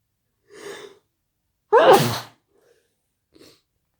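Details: Sneeze: a soft intake of breath, then one sharp, forceful sneeze burst and a faint breath after it.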